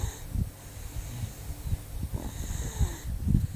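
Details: Low, rough, fluttering breath noise with short snorting bursts; snoring.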